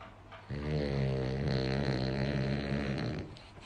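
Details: Sleeping dog: one long, loud, vibrating snore lasting nearly three seconds; ordinary snoring.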